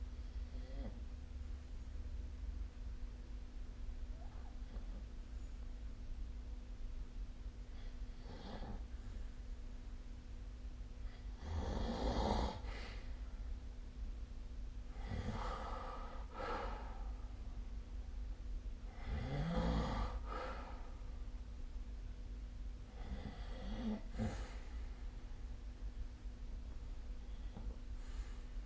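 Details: Snoring recorded with a snore-tracking phone app: snorting snore bursts about every four seconds from a sleeping adult over a steady low room hum.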